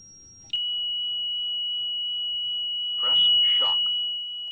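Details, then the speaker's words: ZOLL E Series cardiac monitor in AED mode, configured to automatically analyze and charge when a shockable rhythm is detected: a click, then a steady high-pitched tone with a brief "stand clear" voice prompt; shock button must be pressed. Defibrillator charge-ready tone. "Stand clear. It will then automatically charge if a shockable rhythm is detected."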